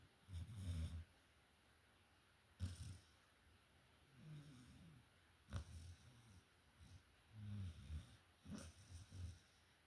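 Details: A sleeping dog snoring: low, rumbling snores in irregular bursts with quiet gaps.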